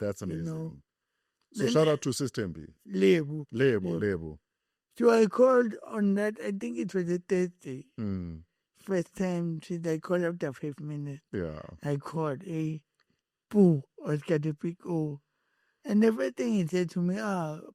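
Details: Adult man born with cerebral palsy, whose head injury from a car accident in June 2000 affected his speech, walking and left-ear hearing: speech impairment (dysarthria).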